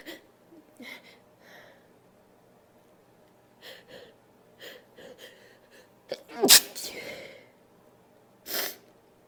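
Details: Sniffs and small breaths, then two sharp, loud sneezes from a female during a nose blowing and sneezing recording; ordinary sneeze.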